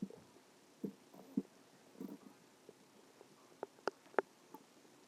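Soft gurgles and short squelching pops at irregular intervals in a quiet room. Ordinary stomach growling from gas and fluid moving through the gut.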